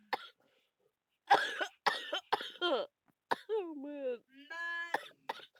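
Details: A person who feels very ill with a bad cough and cold gives a few short, harsh coughs and throat clearing, then strained, groaning vocal sounds.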